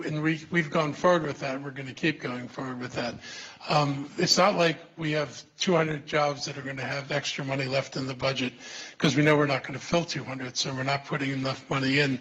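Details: Adult man speaking; ordinary speech.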